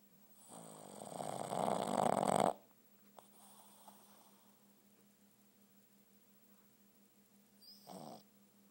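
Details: Sleeping Boston terrier snoring: a long, loud, rattling snore from a small dog, followed by quiet and a shorter snort near the end.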